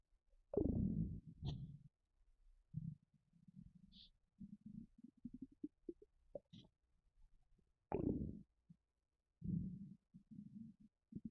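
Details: Empty stomach rumbling: low gurgling rumbles and bubbling bursts from the belly, coming in irregular runs; ordinary borborygmi.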